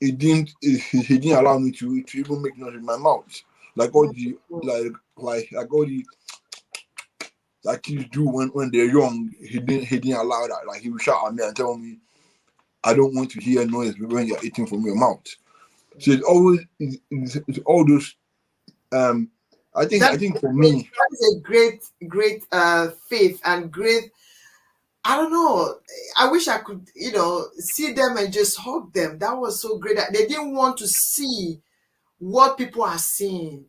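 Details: Adult man born with cerebral palsy affecting brain areas controlling movement and speech, which he attributes to high bilirubin at birth; dysarthria (cerebral palsy).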